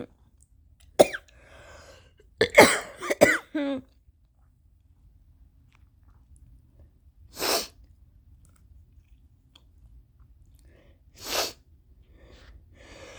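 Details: Person sick with flaring allergies from changing weather: several harsh, forceful coughs in quick bursts with gagging and retching, then two more isolated coughs; intense coughing with gagging.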